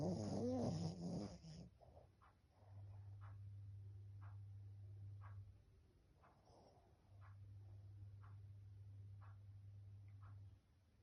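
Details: Soft, low, buzzing snores on each breath, two long drawn-out stretches, in a quiet room after brief background music; snoring.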